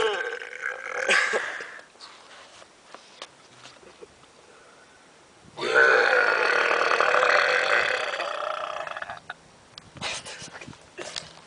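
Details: Two men deliberately burping: a short burp, then a long, loud, rumbling burp lasting about four seconds, followed by brief quieter sounds.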